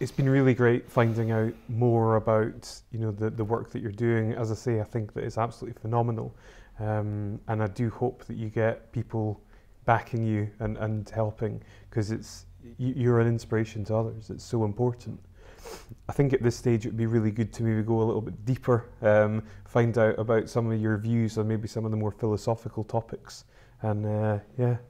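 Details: Adult male interviewer; normal speech.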